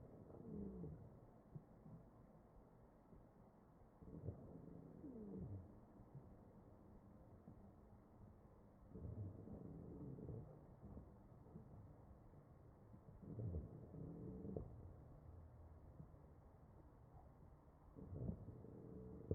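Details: Chest sounds of a real patient on a ventilator; wheezing.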